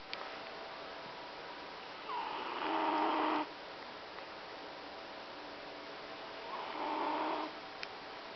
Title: Funny cat Snoring while sleeping